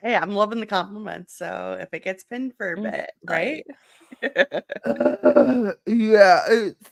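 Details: Adult speaker; typical speech.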